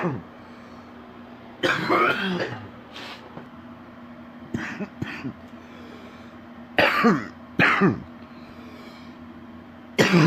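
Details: Adult man sick with a very stuffy nose: about five deep, rattly wet productive cough bursts with throat clearing over a steady low background hum.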